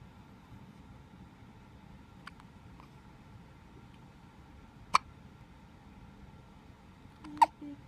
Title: Baby hiccups